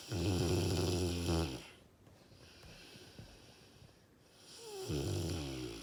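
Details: A senior Dogue de Bordeaux (French Mastiff) with diagnosed dilated cardiomyopathy, doing well on medication, snoring while sleeping: loud rattling snores on breaths with quiet pauses between.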